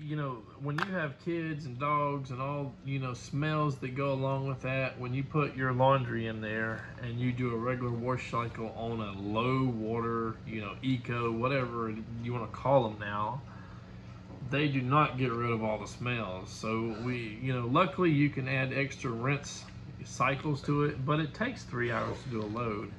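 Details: Adult speaker; ordinary conversational speech.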